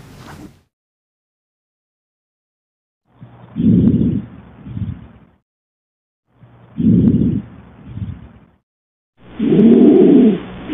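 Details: Adult male, nursing-student return demonstration, stethoscope on the back, arms folded, breathing through his mouth; each louder breath in followed by a softer breath out, about 20 a minute: normal breath sounds.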